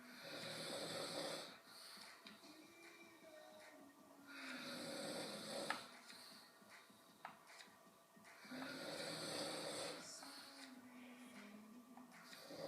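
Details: Slow, rough snoring breaths at about 15 a minute, with a faint steady hum behind them.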